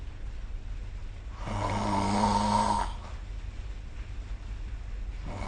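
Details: Snoring recorded with the SnoreLab app: one drawn-out, buzzing snore on inspiration over steady room hum, typical sleep snoring.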